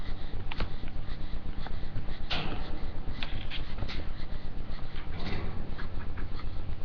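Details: George panting fast and very regularly, about 240 breaths a minute, with a rough, noisy wheezing edge to the airflow; rapid panting with wheezing.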